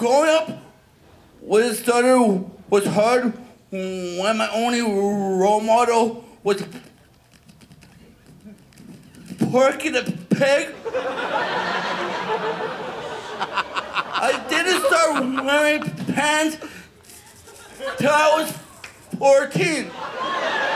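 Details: Adult male stand-up comedian who says he has a stutter that does not occur when he whispers, describing whisper, stutter and robot speaking modes; stuttering.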